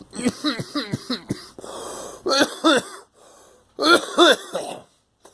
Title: Coughing